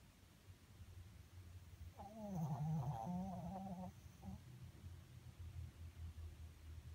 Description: Miku the Pomeranian dog snoring while sleeping